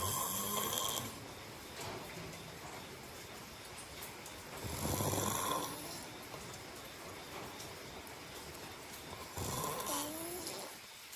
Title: Welcome to listen to my snoring to help you fall asleep👍 #snoring